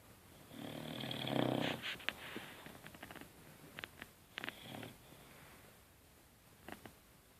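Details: Boxer dog sleeping: a long rumbling snore followed by softer snuffling breaths and small snorts in a quiet room; snoring.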